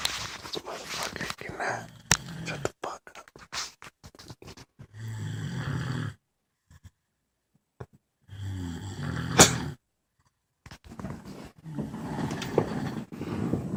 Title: Stfu (snoring)